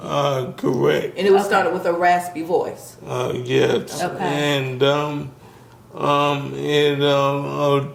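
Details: Adult speaker; normal speech.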